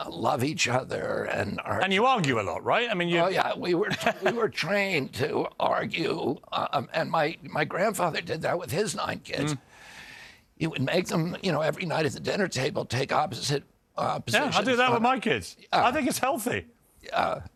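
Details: Adult man with spasmodic dysphonia, which he calls spasmodic dystonia: a neurological disorder, not a tissue injury, with signals making his vocal cords tighten constantly. Onset at age 42 after a 1996 injury; surgery in Kyoto about eight months earlier; now using alternative therapies.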